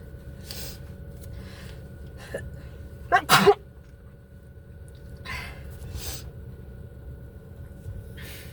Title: Sneezing in the car